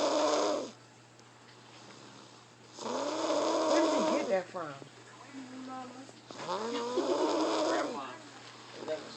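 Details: 2-year-old child snoring loudly: rough, deep snores about 17 breaths a minute, each rattling on the in-breath with quieter breathing between; snoring.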